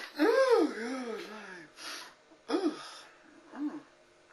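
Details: Man before a sneeze, recorded in 1996: sharp voiced intakes of breath rising and falling in pitch, with breathy pauses between, gasping.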